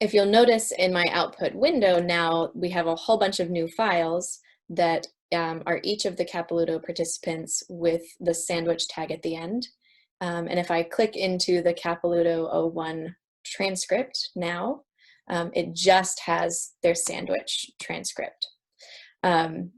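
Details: Adult woman speaking; normal speech.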